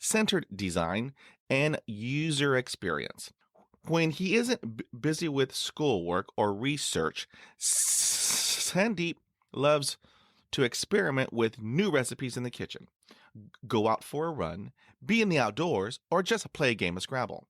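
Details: Adult male who has stuttered since about age 3 to 3.5, with blocks; stuttering.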